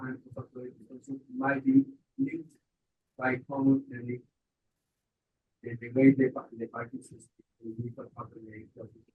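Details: Adult male speaker; normal speech.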